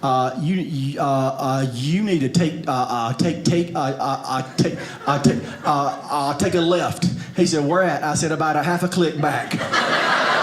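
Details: Adult male comedian who has stuttered for 47 years since a very young age; stuttering.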